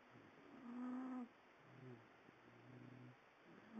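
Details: Low, soft, droning snore on each breath in a quiet room, snoring in bed after reportedly smoking crack all night through an old coke can.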